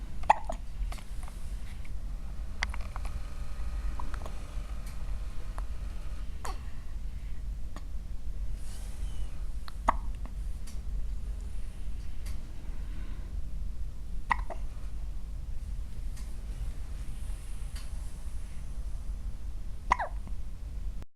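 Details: Newborn baby hiccupping steadily about every four to five seconds over steady low background noise; hiccups.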